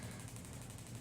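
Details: Rapid, regular low thudding pulses, about twelve a second, from a Shockmaster 300 radial shockwave device (15 mm convex head, 2 bar, 12 Hz) firing with gel onto Osgood-Schlatter bony overgrowth at the patellar tendon end of the knee.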